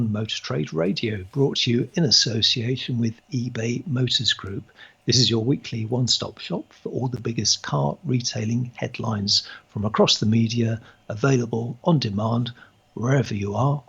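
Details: Adult male speaker; normal speech.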